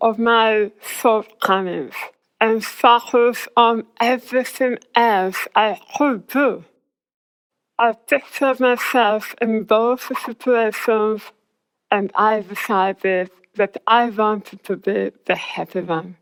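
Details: Articulation impairment in a woman after glossectomy for squamous cell tongue cancer, with the tongue reconstructed from abdominal muscle. Her speech became hard to understand afterwards.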